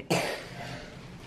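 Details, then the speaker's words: Young boy, home after asthma testing, has a very bad cough; cough. "I are finally home and you'll hear him in a second his cough is just so bad I feel so bad for him"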